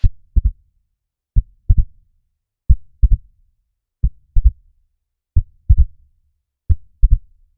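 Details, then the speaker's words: S3 ventricular gallop: a slow triple rhythm with a dull, low extra sound just after S2 in early diastole; linked to volume overload or systolic failure, e.g. dilated cardiomyopathy, or high-output states like anemia or fever. "इसकी वजह से अपने को S3 the ventricular Gallup सुनाई देता है। अब अपन उसको सुन के देखते हैं।"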